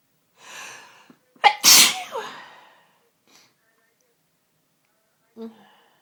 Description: captured some sunday evening sneeziness that has just overcome me in the last hour.....